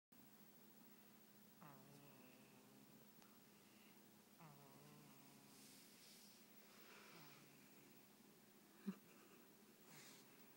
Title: Snoring 5-week-old